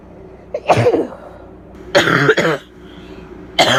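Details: Adult female with bronchitis giving harsh, loud coughs with a barking quality; barking cough.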